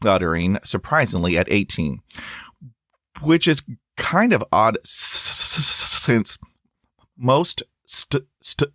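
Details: Stuttering in a real adult male who stutters and says his stuttering is lifelong and comes and goes unpredictably; he reports blocks with long pauses and uses helper words.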